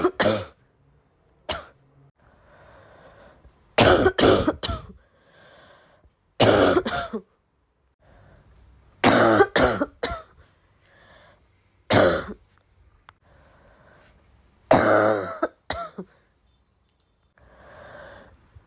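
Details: Sick girl with a congested, barky cough: repeated bouts of short, harsh, barky coughs in clusters of two to three, with quiet breathing between; a productive-sounding cough.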